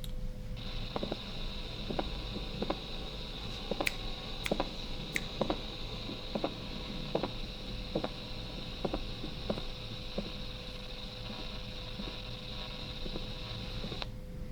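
Regular sharp heart clicks over steady hum and hiss, with an early diastolic pericardial knock of constrictive pericarditis.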